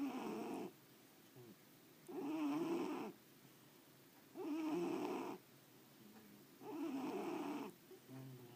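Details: Snoring.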